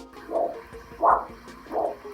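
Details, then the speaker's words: Three soft, dull, weak, prolonged single whooshes, about 85 a minute, on a handheld arterial Doppler over faint music; monophasic signal, meaning significant narrowing or blockage; monophasic arterial Doppler signal. "Monophasic is not good. You'll hear one weak prolonged sound."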